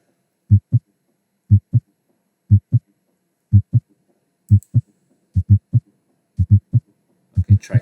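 Steady paired lub-dub beats at about 60 a minute from a simulator at the tricuspid area, with no extra sounds between them: normal heart sounds.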